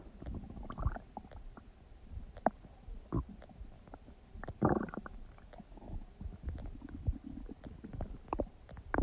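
Loud gurgling and bubbling stomach noises with irregular rumbles; normal digestive bowel sounds.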